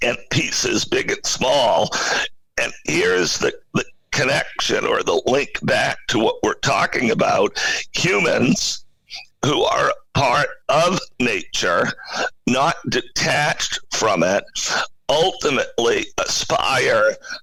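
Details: Adult man with spasmodic dysphonia, a rare neurological voice disorder affecting only speech, acquired in 2010 with sudden onset of difficulty using his voice; no known cause or cure.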